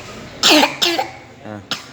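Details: Young child, ill with cough and fever, gives three short, sharp coughs in a quiet room, with a brief vocal sound between them.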